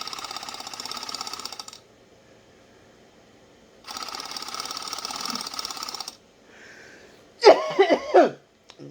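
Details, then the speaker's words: Two long exhalations through a handheld oscillating flutter-valve airway clearance device give a rapid fluttering buzz, used to loosen phlegm by an adult recovering from COVID-19 two weeks after diagnosis; brief speech follows. "it's an oscillator and this you blow into it has a flutter valve as you blow into it it causes an oscillation or a vibration which gets transmitted to your airways"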